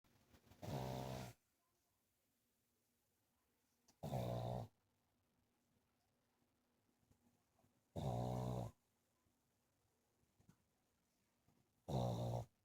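Regular low, buzzing snores about every four seconds, roughly 16 a minute, quiet between breaths.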